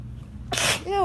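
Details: A single forceful, hissing sneeze followed by a brief voiced exclamation, with faint background noise; the sneezer suspects an allergy to something.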